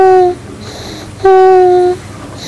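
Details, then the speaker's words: 8-month-old child of average weight and height asleep in a hospital bed, no oxygen or other device attached: loud, high-pitched, continuous musical stridor on both inspiration and expiration, heard twice; laryngomalacia. "I can see an 8 month old child on average weight and height is sleeping in a hospital bed most likely having continuous sound with breathing most likely stridol both in inspiration and expiration"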